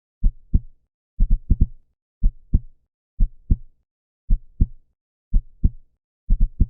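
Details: Human heartbeat sound effect, described as a normal heart sound at 125 beats per minute: low, dull lub-dub thumps with paired sounds and brief quicker clusters; normal heart sounds.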